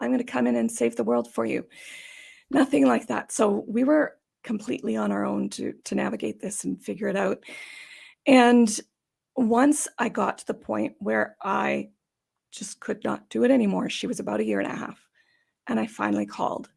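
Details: Adult woman with idiopathic subglottic stenosis for about 14 years, treated with repeated tracheal dilatations and surgeries, which she links to sounding gravelly or gasping for breath; dysphonia (subglottic stenosis).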